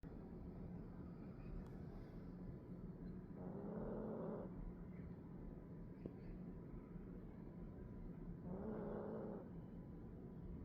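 Two low, rough snoring breaths about five seconds apart, roughly 12 a minute, over steady room hum.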